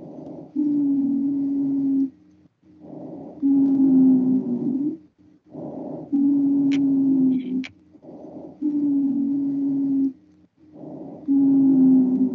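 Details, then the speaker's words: Short inspiration then long expiration carrying a steady high-pitched musical whistle: an expiratory wheeze from narrowed airways, played as an EMT respiratory emergencies teaching example; inhalation sounds normal. "do you hear the short inspiration and long exploration and then you hear that high-pitched noise in the exploration that's a excretory wheeze still that high-pitched whistle"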